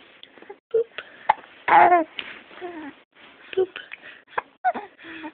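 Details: A laughing baby with hiccups: sharp, brief hiccup catches between giggles and babbling.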